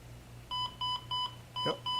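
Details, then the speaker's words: Criticare 8100 EP1 monitor demonstration: after removing the capnography nasal cannula, repeating high beeps about four in two seconds, an apnea alarm set to trigger after about 30 seconds without detected breathing. "i will now take that nasal cannula off and we have this thing set to go to an atm alarm i believe in about 30 seconds"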